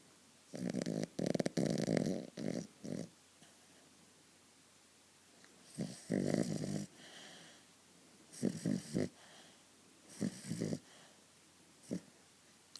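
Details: Loud, rough, irregular snorting snores in clusters from a sleeping dog, with quiet pauses between bursts: dog snoring.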